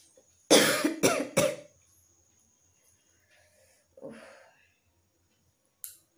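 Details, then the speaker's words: Cough in a person who reports an intensely tickly, itchy throat and a cough that comes only now and then: three loud, harsh coughs in quick succession, then a softer throat sound and a brief breath. "মাঝে মধ্যে এমন কাশি বেরোচ্ছে কি বলবো, এটা সবসময় বেরোচ্ছে না, মাঝে মধ্যেই বেরোচ্ছে।"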